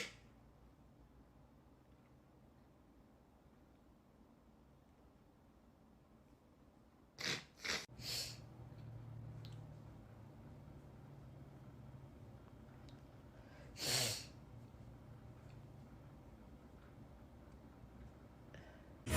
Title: Asian girl sneeze compilation 🤧